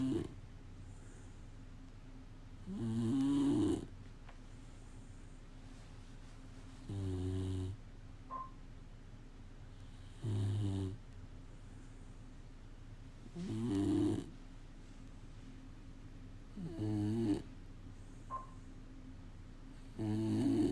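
Deep, regular snorts about every three and a half seconds, roughly 18 a minute, over a steady background hum; a dog snoring.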